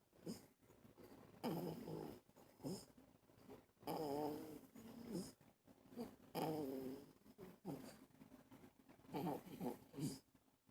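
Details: Irregular fluttering, whistly snores with each breath, about 24 a minute, in a quiet room; snoring.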